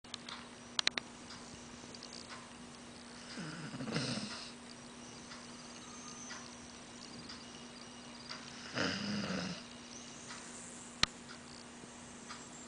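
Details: A female dog snores: two soft, rough snoring breaths a few seconds apart over a steady room hum.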